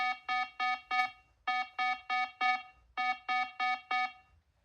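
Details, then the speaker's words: Pulse oximeter threshold alarm on an adult woman with 22q11.2 deletion syndrome whose heart rate dropped into the 40s, then recovered to 58: three bursts of four rapid electronic tones, repeating. "so that threshold alert is for the heart rate that was just going down to um 40s"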